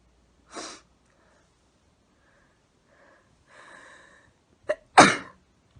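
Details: Sneezing: an early sneeze burst, faint breathy sounds, then a loud final sneeze; two sneezes in a row.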